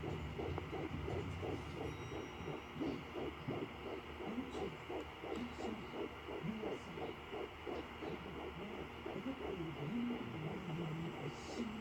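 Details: Early fetal heartbeat at 9 weeks of pregnancy on a home Sonoline B fetal Doppler: rapid whooshing pulses at about 170 beats per minute over a steady hum, heard after placental sounds.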